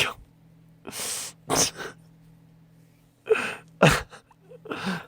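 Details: A singer sneezing during a broadcast, from a compilation of his sneezes: several short, sharp sneezes with quick in-breaths before them, over a faint steady hum; ordinary sneezing.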